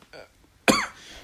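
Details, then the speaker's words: A brief faint voiced sound, then one sharp voiced adult cough that trails off quickly; the speaker, an audiologist, says it is not COVID, he tests regularly, and it comes only when he speaks, from voice overuse. "i know if you've been worried about my cough you can hear that so it's not covered get tested regularly it's only when i speak"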